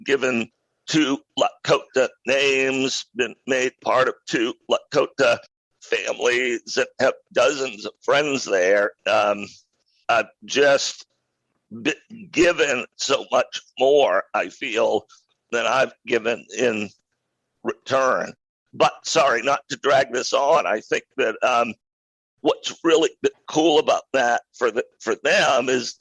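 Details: Adult man with a rare neurological voice disorder acquired in 2012 that made speaking difficult, still audible in his speech; neurological voice disorder.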